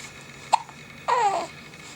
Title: Two Months Old - hiccups